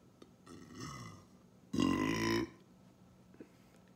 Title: Loud burp